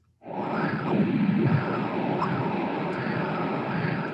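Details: Transcranial Doppler: middle cerebral artery flow whoosh fades almost completely from poor collateralization, then one heartbeat later a brief chirp marks an embolus passing (~40 cm/s); embolic signal.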